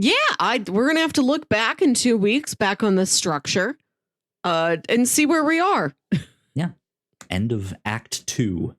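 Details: Adult speaker; typical speech.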